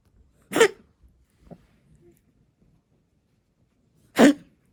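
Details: Cat with asthma: two sharp hacking coughs a few seconds apart with faint sounds between, a feline asthma cough.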